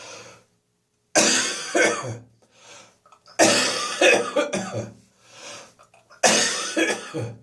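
Three loose, wet coughing bouts, each a burst of two or three coughs with a throat-clearing quality, consistent with a lingering cough after bronchitis.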